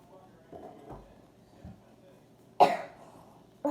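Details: A single sharp cough after a few soft throat sounds in a quiet room, from a person who says they have a bad cough and is making a soothing warm milk drink for a sore throat; cough.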